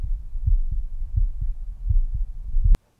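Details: Regular low heart thumps, about 100 beats a minute, recorded by a second-year medical student on himself over the aortic valve area (right) with a Stemoscope wireless Bluetooth stethoscope chestpiece; a loud click at the end.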